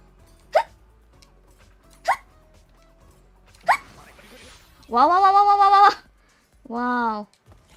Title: POCHI-SENSEI combo hiccups and making a cute noises in almost 1 minute straight